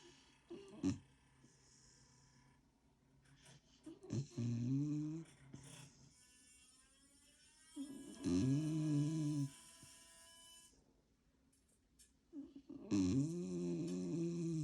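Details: Sleeping Springer Spaniel dog giving low, drawn-out humming snores about every four seconds with quiet pauses between: snoring.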